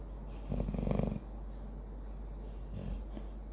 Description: Our labrador Sammy has just started to snore loudly.